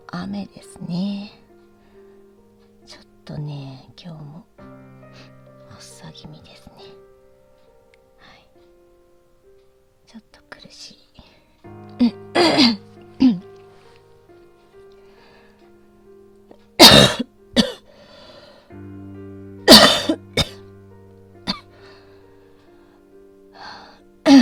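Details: Several sharp, harsh coughs from an adult woman having an asthma flare since morning, some in quick pairs, over soft background music; asthmatic cough.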